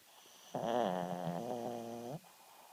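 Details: Shih Tzu dog sleeping its first night home after a hospital stay for dehydration: a single loud, buzzy, drawn-out snore with a strong rattling tone under two seconds; snoring.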